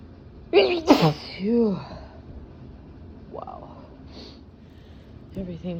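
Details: Adult sneezing after drinking alcohol (intoxicated): a sharp, loud single sneeze with an indrawn gasp, followed by a voiced sigh and short exclamation.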